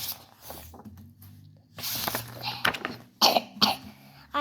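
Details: Child coughing while reading a story aloud: quiet voice breaks into several sharp, harsh, dry repetitive coughs in quick bursts.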